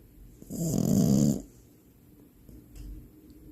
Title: FINN THE FRENCHIE PUPPY DEEP SLEEP SNORING LOUDLY #sleepapnea #frenchbulldog #cuteanimals #dog #pets